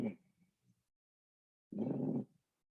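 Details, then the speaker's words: Lung sound recording of rhonchi: a brief low-pitched rumbling, snore-like rattle from mucus secretions or obstruction in the bronchi, as in bronchitis, COPD, pneumonia or cystic fibrosis. "this one's described as a low pitched rattling or rumbling kind of like a snoring located in the bronchi not the alveoli here"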